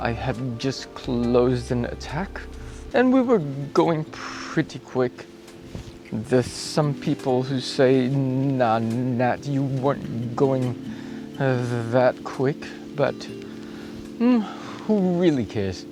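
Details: Adult male cyclist with acquired apraxia of speech that began a few days after a bike crash with head impact and loss of consciousness; worse a week before and improving; acquired apraxia of speech.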